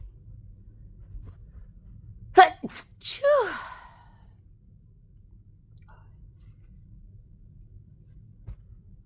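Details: Two or three quick sneezes in close succession, the last with a voiced cry, then quiet; a strange, powerful sneezing fit returning about five minutes after an earlier fit.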